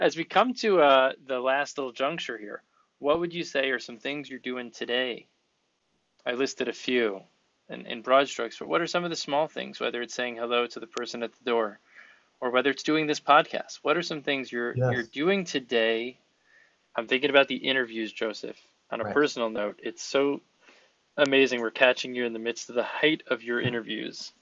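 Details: Adult man speaking; normal fluent speech.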